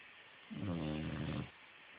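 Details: Boxer dog snoring, recorded on an Android phone.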